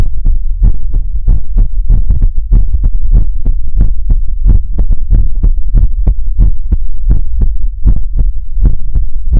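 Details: ASMR livestream heartbeat sound for relaxation: steady low thumping beats at roughly 130 a minute with a soft hum underneath; heartbeat.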